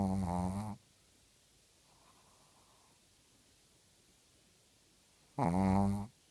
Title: Misty Snoring